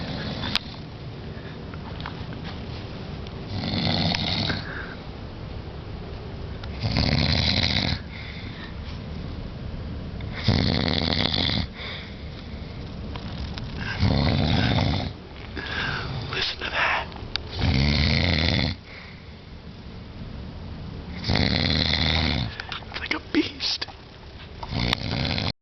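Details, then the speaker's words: Adult man (dad) snoring at night, around 21:00, not using his anti-snoring machine; loud, rough snores recurring in regular bursts, about 18 a minute, with quiet gaps between. "Dad's snoring right now. Let's see how close we can get to him."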